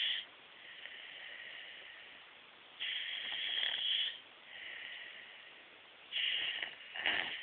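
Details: A person snoring, recorded on a BlackBerry phone: hissy breathing noises repeat in cycles, with louder bursts alternating with quieter passes, heard through a poor recording.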